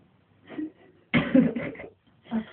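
A single abrupt, harsh burst with a short tail after a faint breath, then a softer sound; a cough.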